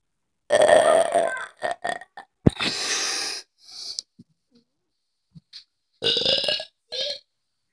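Several loud, drawn-out belches with short gaps between them, then two shorter ones.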